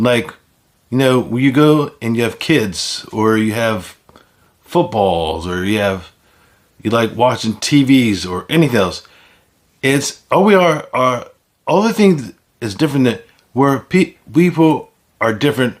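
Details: Speaker with aphasia caused by stroke; finding: aphasia.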